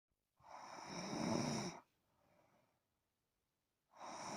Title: Snoring son no copyright